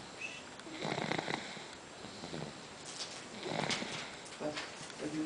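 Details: Person snoring during sleep.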